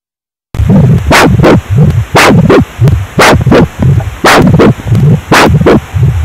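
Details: IMUSA Falcon PRO Doppler: rhythmic whooshing pulses in paired beats, about 57 per minute, from the probe picking up pulsatile blood flow.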